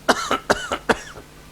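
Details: Paroxysmal cough sound given as an example in a homeopathy talk on managing cough.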